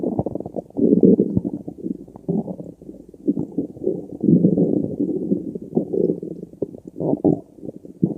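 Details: Long rolling gurgles and rumbles with bubbly pops continue throughout; ordinary stomach growling (borborygmi).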